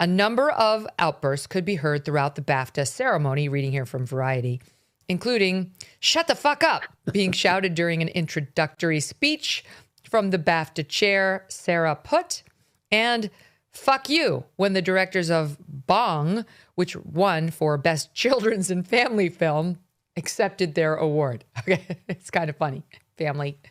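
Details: Adult speaker reading aloud, with a second voice and brief laughter; normal speech.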